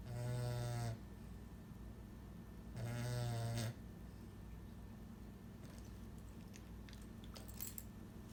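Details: Pet whose tongue is too big for his mouth, contributing to snoring: two loud, rattling, low-pitched snores about three seconds apart, then quiet breathing.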